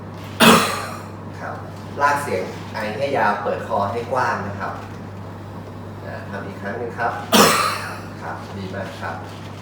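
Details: Demonstration of a voluntary effective airway-clearance cough after full deep breaths held and released: two forceful, open-throated coughs with a long drawn-out sound, separated by quieter voiced sounds.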